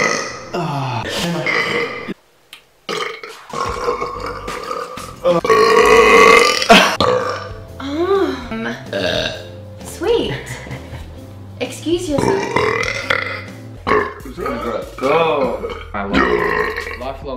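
A long series of loud, drawn-out voiced belches with short pauses between them, over faint background music; repeated burping.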